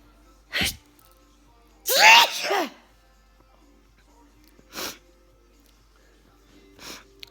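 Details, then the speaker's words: Sneezing fit in a person with an allergy to something unknown, second fit that day; four sneezes, one loud and drawn out, with quiet pauses between them in a small room. Past bouts ran 7–14 sneezes, now lasting four to five minutes. "remember years ago I used to all sneeze about seven times and let it stop and then the order I got went to about 12 times and then 13 times then 14 times and then it would stop"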